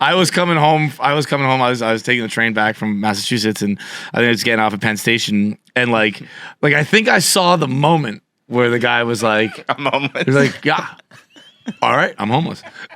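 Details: Adult male speaker; normal speech.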